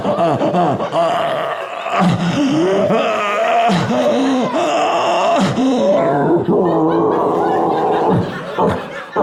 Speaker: For those of you that don't know, sleep apnea means I snore like a monster. When I say I snore like a monster, I don't mean it's like, what's that racket? I mean, it sounds like there's a monster in your home and it wants to murder your entire family.